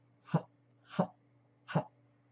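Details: Adult man with Tourette syndrome whose tics worsen with stress deliberately lets a vocal tic occur during a tic-control exercise; vocal tic.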